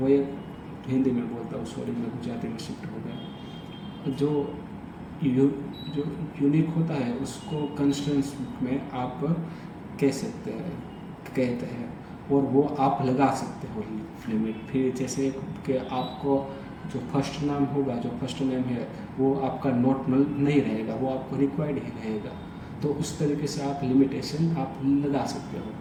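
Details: Adult Hindi-speaking man who stammers, doing storytelling practice on day 30 of daily fluency practice (breathing, tongue twisters, storytelling); stuttering.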